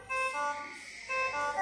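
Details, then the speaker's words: Infusion pump alarm during training on setting up an IV infusion pump with the volume set to 500. Two short electronic alert tones sound when the pump detects air in the line because the line was not opened from above. "If you don't open from up, you wait what it will show after you press here. See air. This one detect air."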